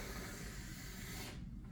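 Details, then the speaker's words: Nurse clearing suction catheter tubing after tracheostomy suctioning: steady hissing, rattling suction noise as aspirated mucus is drawn through, ending abruptly. "and then I will try to clear this tube of of everything that I just sucked up so"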